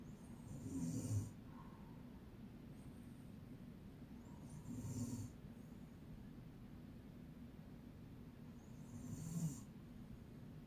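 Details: An adult woman, the uploader's mother, snoring in sleep with three loud, low, rattling snores about four seconds apart, with airy hiss.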